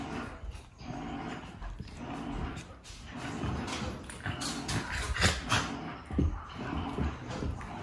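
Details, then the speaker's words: Play sneezing in dogs: short snorting sneeze bursts amid scuffling and soft vocal noises as Maxie and Pollux, an adopted dog who picked up play sneezing from Maxie, tussle in play. "The sneezing. Do y'all hear the sneezing? This is also something new. Maxie sneezes when he plays, and Pollux never did that."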